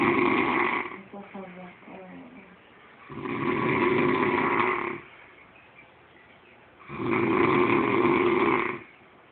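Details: Heavy snoring likened to a horse: loud, rough snores about every three to four seconds, with a brief snort between them.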